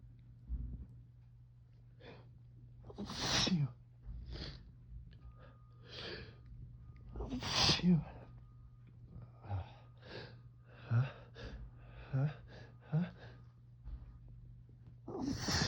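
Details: Adult with fall seasonal allergies, possibly ragweed or leaf mold, recorded just after waking: about three sharp sneezes with sniffs and breaths between them in a quiet room; repeated allergic sneezing.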